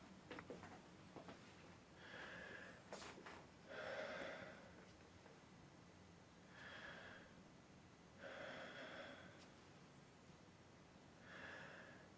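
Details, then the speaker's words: Auscultation over the back in a pulmonary exam demonstration, patient breathing deeply through the mouth: slow breaths about 12 a minute, soft airy rush with pauses, no wheeze or crackles; normal breath sounds. "so you want to hear the whole breath inspiration a pause and expiration uh in all the lung Fields"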